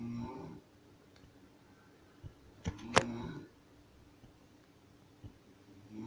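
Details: Mother snoring, recorded at home: low, rumbling, droning breaths at the start and end, separated by quiet and a sharp click in a small room.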